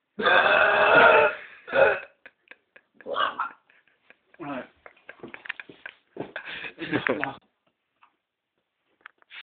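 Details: Deliberate burping by a male housemate prompted on request: one long, loud burp followed by several shorter burps and belches with quiet gaps between them.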